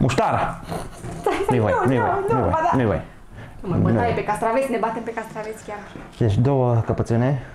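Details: Adult speaker; normal speech.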